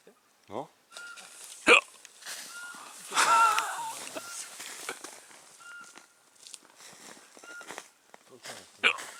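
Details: Human hiccups outdoors in Puszcza Solska forest, Poland, in January 2015: sharp, abrupt hiccups between quiet talk, with a Eurasian pygmy owl's repeated short whistled notes in the background.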